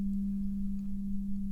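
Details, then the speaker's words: Tuning fork struck and held behind the ear during a simulated cranial nerve exam (ASMR medical role-play) hearing test, a steady pure low hum until the patient says it stops, with soft voices. "create a vibration sound and I'll put it behind your ear I need you to tell me when you don't hear this sound anymore"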